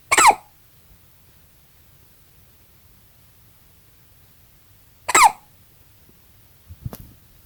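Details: Newborn baby, 20 hours old, hiccuping: two sharp, brief catches about five seconds apart, each with a small squeaky gasp, in a quiet room.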